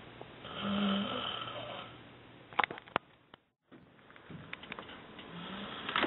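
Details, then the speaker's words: Loud snoring from a sleeping dorm roommate around 4 a.m.: a long, low droning inhalation, then a pause and a second rattling breath, with brief clicks in a quiet room; snoring. "家做緊我嘅 paper， 而家4點鐘差唔多，聽我實有個鼻鼾聲。不細聲。"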